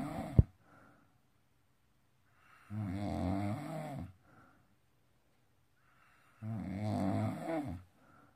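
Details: Snoring during sleep while wearing a magnetic nasal clip anti-snoring device, which the wearer says did not work.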